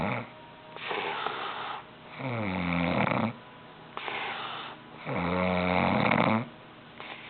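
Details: Loud rhythmic snoring from a sleeping adult, each breath a rough airy phase then a low buzzing, rattling snore, about 20 per minute.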